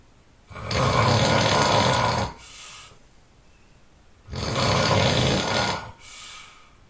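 Very loud, long, rumbling snores, each followed by a softer breath out, about 16 a minute; heavy snoring.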